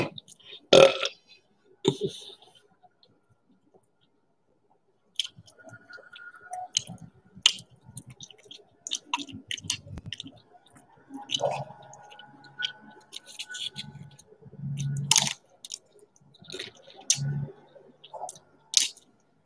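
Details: Person burping while eating corn dogs and Doritos for an ASMR eating recording: crunchy chewing and mouth sounds broken by several low, rumbling burps.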